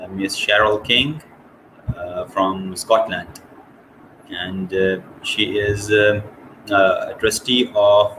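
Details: Adult woman from Scotland who stammers, describing having had a speech condition; stuttering.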